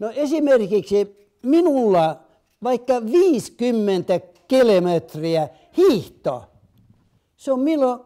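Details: Adult man with aphasia, interviewed in Finnish for a documentary on neurological illness or injury; aphasia.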